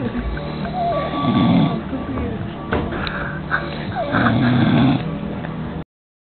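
Irregular rough, snorting breath sounds with some squeaky tones, fitting snoring; recording cut off at the top end.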